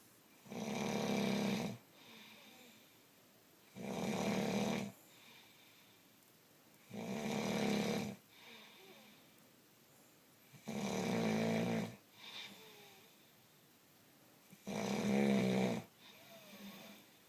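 Loud rhythmic snores of about a second each with quiet gaps between, roughly 15–17 a minute; ordinary snoring.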